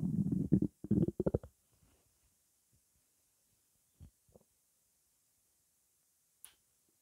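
A burst of low, bubbling gurgles followed by quieter scattered gurgles, typical of stomach rumbling as fluid and gas move through the gut.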